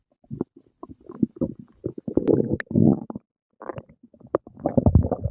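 Low gurgling and rumbling in irregular bursts, ordinary stomach growling after a meal.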